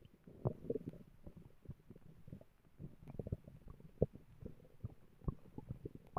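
Deep, soft rumbling with scattered gurgles and pops: ordinary stomach growling, normal bowel sounds.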